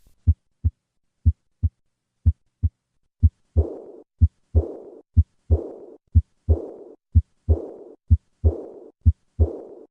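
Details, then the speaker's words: Heartbeat near 60 a minute; after several plain beats, a soft blowing early diastolic murmur follows the second sound: aortic regurgitation. "the murmur of aortic regurgitation is heard best with a diaphragm pressed firmly against the chest wall this murmur can be increased by having the patient tighten both fists"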